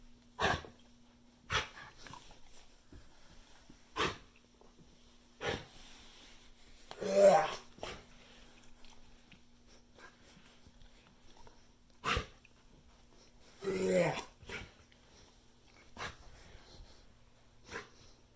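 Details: A dog named Carley gives repeated short, sharp coughs and two longer, strained, honking breaths, showing coughing with breathing difficulty.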